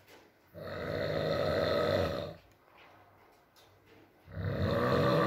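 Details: Adult man (boyfriend) asleep, ASMR recording with rain: two long, loud, throaty snores separated by a quiet breath out; heavy snoring during sleep.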